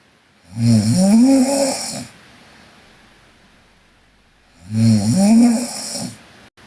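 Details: Korean girl snoring during sleep: two long, loud snores with a vibrating, rattling tone on each breath in, separated by quiet breathing out.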